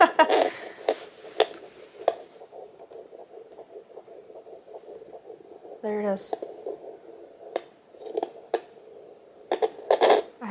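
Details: Home Doppler held low, just above the pubic bone, at 11 weeks of pregnancy in a 42-year-old: rapid whooshing pulses of the fetal heartbeat, about 154 beats per minute, briefly lost.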